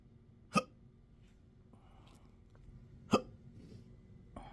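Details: Self-recorded intractable hiccups with belching, choking spasms and developing achalasia since December 2015, now 12-hour episodes up to 7 days a week: two sharp, sudden hiccups about 2.5 seconds apart against quiet room noise.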